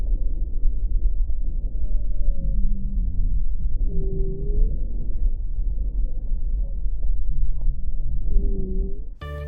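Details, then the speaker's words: Auscultated low-pitched, continuous snoring and rumbling breath sounds with coarse tonal moaning, produced by airway wall vibration from turbulent flow due to obstruction, sometimes palpable on the chest wall; rhonchi. "rondas es un ruido de baja tonalidad que se produce por vibración de las paredes de la vía aérea generada por el flujo turbulento por obstrucción"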